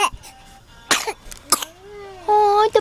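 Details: Baby girl gives two short, sharp coughs, then a brief high-pitched voiced laugh-like sound; ordinary cough.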